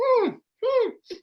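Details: Male with Tourette syndrome, tic onset around age seven and diagnosis around age 10, whose throat clearing and squeak were first mistaken for asthma or allergies and did not respond to an inhaler; vocal tic (throat clearing and squeak).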